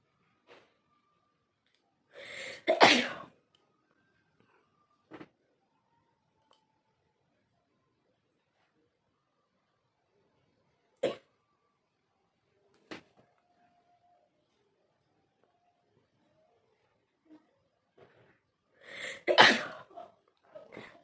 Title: noss blowing and sneezing 🤧 challenge video